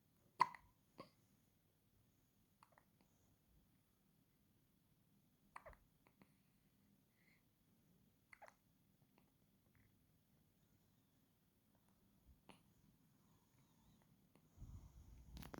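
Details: A newborn baby a few days old hiccups about six times, short and sharp at irregular intervals over fifteen seconds in a quiet room, with faint rustling at the end: newborn hiccups.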